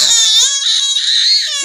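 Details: A baby with four teeth, looked after by the father while missing the mother, gives a single sustained, high-pitched, tonal, wailing cry indoors; infant crying.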